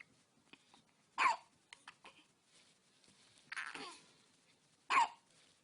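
Two abrupt, jerky hiccup sounds about four seconds apart, with soft newborn grunts and small noises in between.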